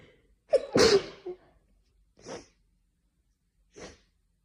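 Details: Afternoon sneezing fit attributed to hay fever: a loud sneeze with a sharp in-breath, then two softer sneeze-like bursts in quick succession.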